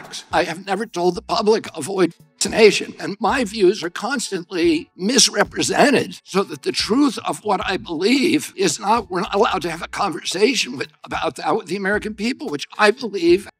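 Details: Adult male political figure, said by narrator to have spasmodic dysphonia, described as a loss of his voice; spasmodic dysphonia.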